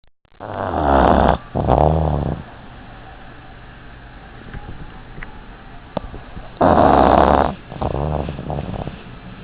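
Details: Dog napping: loud, rough snoring, with each in-breath split into two rattling bursts; ordinary snoring.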